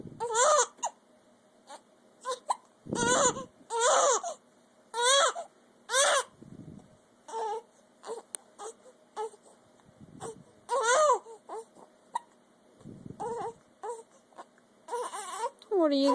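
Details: Fussy infant with hiccups again, crying in short bursts with pauses and brief catches between cries; an ordinary upset infant cry.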